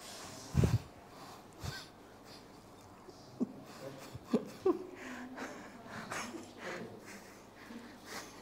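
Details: Irregular short, forceful nasal snorts and noisy nasal breaths over quiet room noise, heard during manual treatment of a man with frozen shoulder of several years' duration limiting arm raising.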